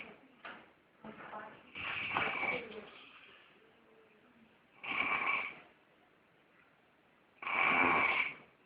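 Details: Loud, harsh rattling snores about every three seconds, roughly 20 a minute, with quiet breathing between; snoring during sex.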